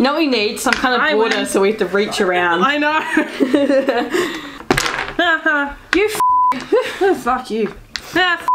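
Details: Tourette syndrome vocal tics, with repeated tic phrases and coprolalia-like outbursts.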